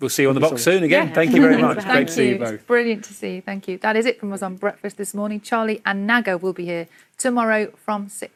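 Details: Adult broadcast presenters; no speech disorder.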